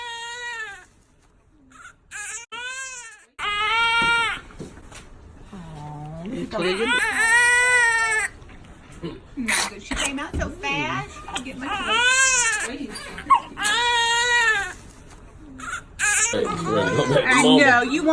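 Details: Repeated strong, high-pitched wailing cries with breaths between them, from a baby girl just after birth following induction at 37 weeks for maternal high blood pressure: vigorous newborn cry.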